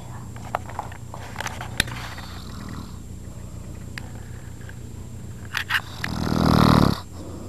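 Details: Quiet room with scattered clicks, then one loud, rough, low snore near the end from an adult man, a stepfather who snores repeatedly; snoring.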